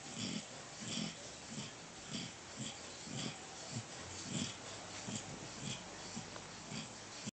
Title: Zombie Snoring lol